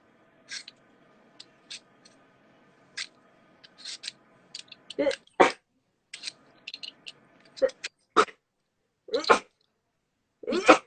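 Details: Sneezing from a young Japanese woman: several sharp, short sneezes in a row, some with a soft inward breath before, over quiet background noise.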